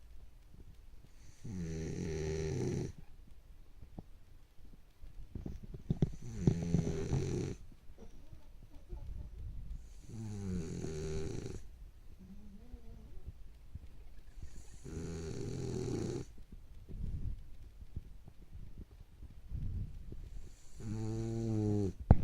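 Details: Snoring during sleep: loud, deep rattling snores roughly every four to five seconds, about thirteen breaths per minute, with quieter breaths between.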